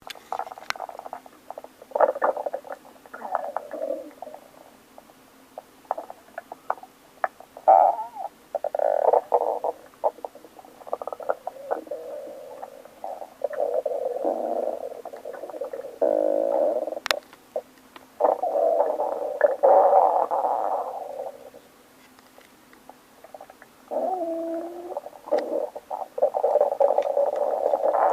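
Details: Loud, drawn-out gurgling and rumbling stomach growling after waking up, typical bowel sounds (borborygmi) from gas and fluid moving.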